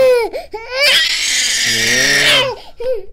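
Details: Brief crying with a tonal wail, a short strained noisy outburst, then a whimper, from an 18-month-old girl with birth trauma, walking and balance issues and a neck problem, during a chiropractic session.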